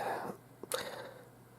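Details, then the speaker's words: Single short, sharp cough with a faint preceding catch from an adult with a lingering cold and cough, now improving with less coughing and runny nose; quiet room. "Yeah, I've been suffering from one heck of a cold and cough past fuck knows how long."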